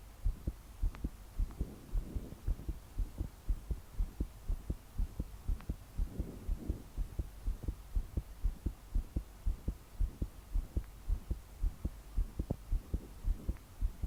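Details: 22-year-old female trying to calm her heart to sleep after deep breaths failed. Strong thudding heartbeat about 110 a minute, her body shaking with each beat, slow breathing and steady rain behind: pounding heartbeat.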